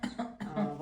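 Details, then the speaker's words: Two short, deliberate voiced coughs from an adult during a massage-therapy technique, producing a wave from one's own cough to relax tensed scalene and trapezius muscles. "здесь мы создаём волну за счёт собственного собственной кашля то есть происходит волна и таким образом идёт расслабление"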